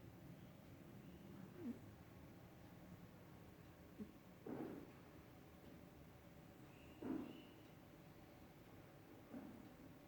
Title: START YOUR SUNDAY MORNING WITH THE SNORING SOUND OF MY PERSIAN CAT.